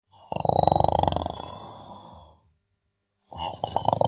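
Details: Sleeping person: loud fluttering snore on inhalation, a silent pause, then another snore begins; vibrating snoring.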